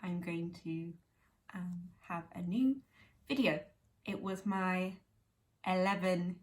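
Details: Woman with aphasia 11 years after a stroke at age 18, speaking spontaneously; aphasia.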